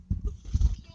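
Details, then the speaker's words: Older woman, a mother-in-law, who says two cups of coffee gave her the burps, gives two short, deep, guttural, bark-like belches in quick succession: belching (eructation). "I got the burps. And I sound like a dog barking."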